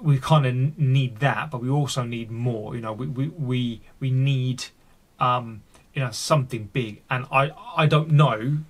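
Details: Adult male with a stammer he says he fights every single day, deliberately leaving his stammer unedited in this recording; real speech showing stuttering.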